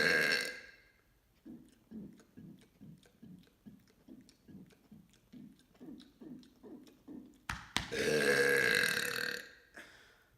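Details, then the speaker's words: Voluntary mega burp: a long series of about 16 rhythmic, low, croaky burp pulses, then a loud drawn-out burp. "It's here. Today I'm going to be doing 15 mega burps."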